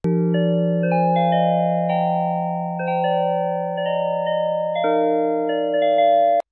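Soft, slow, chime-like notes drift unpredictably over a steady low hum: a hearing aid's fractal tone used as calming sound therapy for tinnitus.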